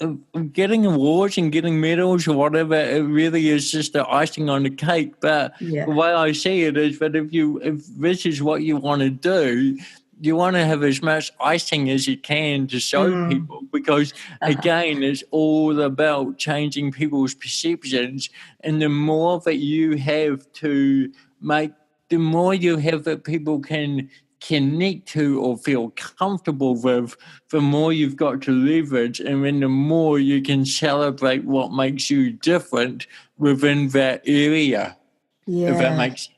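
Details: Dysarthria from congenital cerebral palsy in an adult male born in 1984, with walking also affected.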